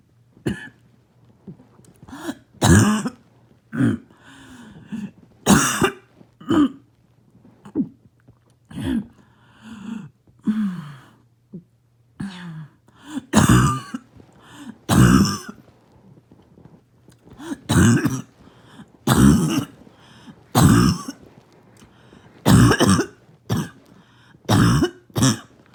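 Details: Barking cough in an adult: repeated harsh, loud coughs with throat-clearing sounds between them.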